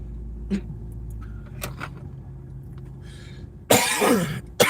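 Quiet car-cabin hum, then one loud, harsh cough near the end, with a second cough starting as the clip cuts off.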